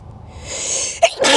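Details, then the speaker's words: Person sharing a sneeze, first of three in a row: a rising, hissing in-breath, then a sharp explosive burst of air; a single sneeze. "Hey guys, I feel a sneeze coming on, so I thought I'd share it with you."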